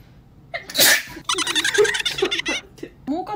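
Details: Young woman sneezing during a covid-19 nasal swab test: one loud swab-induced sneeze, then bursts of laughter and excited voices.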